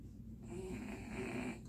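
A sleeping dog snores with a rough, fluttering rumble through an inhaled breath; ordinary harmless snoring.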